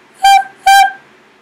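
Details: Young woman with Tourette syndrome, a tic that started at camp: vocal tic.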